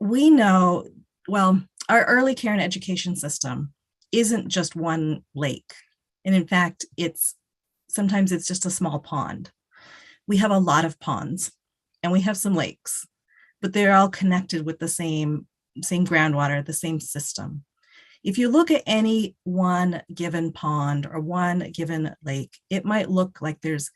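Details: Adult woman speaking; ordinary speech.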